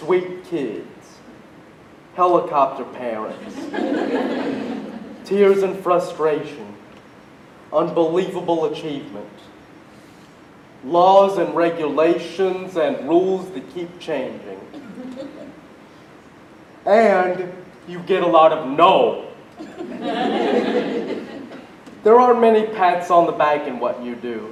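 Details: Man with cerebral palsy speaking at a conference; dysarthric speech in cerebral palsy.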